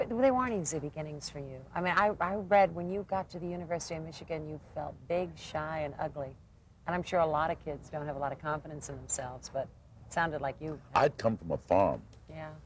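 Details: Adult woman speaking, interview; ordinary fluent speech.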